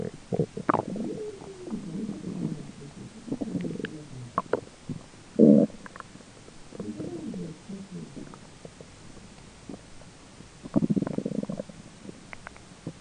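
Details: Adult's own stomach recorded during digestion, with a roommate talking in the background: gurgling, bubbling rumbles in irregular bursts, ordinary bowel sounds (borborygmi).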